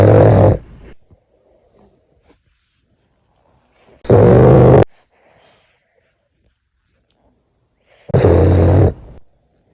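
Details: Gigantic snores: three loud, deep, rumbling snores about four seconds apart, roughly 15 breaths a minute, with silence between. Heavy snoring.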